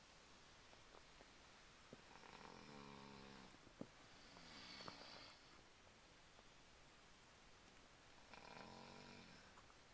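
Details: Snoring: two rattling snores about six seconds apart over steady background hiss, roughly 10 breaths a minute; snoring.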